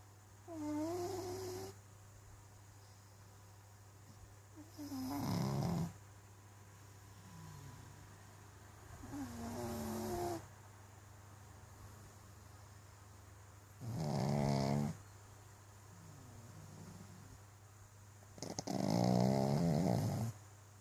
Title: Pug snores